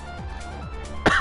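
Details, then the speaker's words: A single sharp, short, isolated cough from a gamer during a live-streamed game, heard over steady background game music. "Excuse my coughing."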